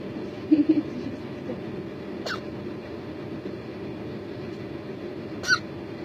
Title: The cutest hiccups ever!